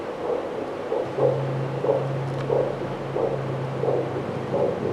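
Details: Fetal heartbeat on a fetal Doppler during a sensitivity and accuracy test: rhythmic whooshing pulses at about 90 a minute, with a steady low hum behind.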